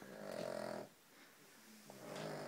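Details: Two loud, rumbling snores from a sleeping dog, each a noisy vibrating inhalation separated by a quiet pause; very loud dog snoring.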